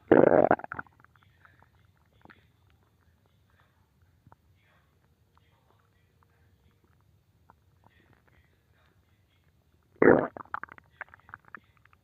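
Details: Two brief gurgling stomach rumbles about ten seconds apart in a quiet room, recorded as an ASMR stomach-growl clip; ordinary bowel sounds (borborygmi).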